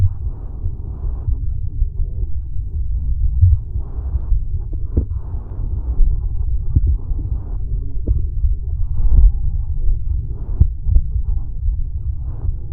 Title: Woman's Heart Sounds Picked Up By Mic